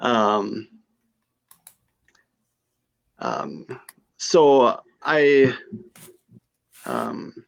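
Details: Female stroke survivor with aphasia after her stroke.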